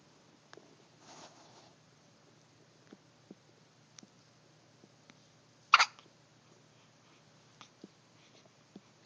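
A single sharp hiccup stands out against a quiet room with faint clicks.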